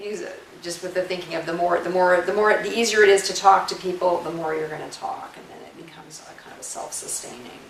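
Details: Adult speaker; ordinary speech.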